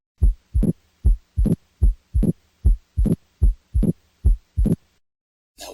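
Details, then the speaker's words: Mid-systolic click of mitral valve prolapse, from tensing of the chordae as the leaflets prolapse, heard between S1 and S2 in a teaching example: regular heart sounds at about 72 a minute with a click in systole. "but it should also make sense that when we tempt this the chordae that are attaching to the mitral valve leaflets are tensed and cause a vibration that travels through The myocardium"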